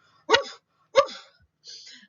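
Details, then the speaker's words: Nursing lecture on croup: two harsh, seal-like barking coughs with a softer noisy breath after, demonstrating the barky cough of croup, which comes with hoarseness. "they get this barky seal like cough that kind of sounds like this"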